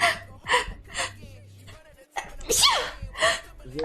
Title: vtuber sneezes 3